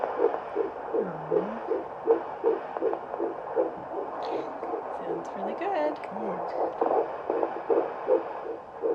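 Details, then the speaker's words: Fetal heartbeat on Doppler found low in the abdomen at a first hearing, fast and regular whooshing at 150–160 beats a minute, judged perfect for the baby's age. "How fast is it going? 150, 155, 160, which is perfect for a baby this age. Mm-hmm. Yeah, it sounds great."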